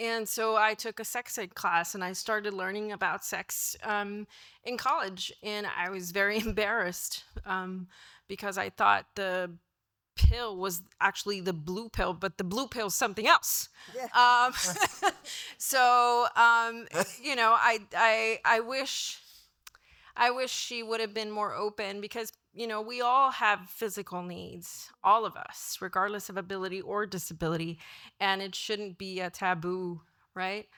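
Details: Adult woman; typical speech.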